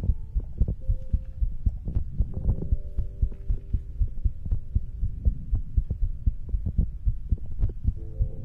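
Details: ASMR recording of a person's own heartbeat for sleep: steady deep thumping with a faint hum in the background; normal heartbeat.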